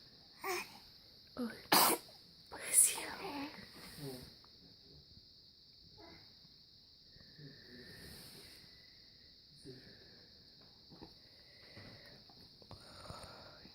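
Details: A 3-month-old during morning stretches: a few sharp, explosive bursts close together early on, then quiet breathing and soft noises. A run of sneezes.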